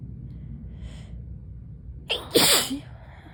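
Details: A quick inward breath, then one forceful, explosive sneeze, in an adult a week into a non-COVID respiratory illness going around work, just developing symptoms; sneeze.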